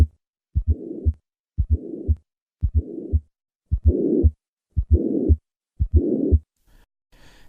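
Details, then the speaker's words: Tricuspid regurgitation murmur with a fourth heart sound, recorded at the lower left sternal border; the murmur increases during inspiration, showing respiratory variation. "this murmur is heard at the lower left sternal border as with most right-sided lesions this murmur increases during inspiration"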